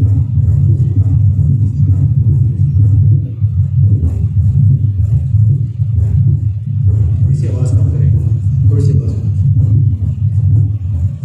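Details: Teaching recording of mitral stenosis played back in a room at an auscultation workshop: low rumbling heart sounds with a dull diastolic murmur.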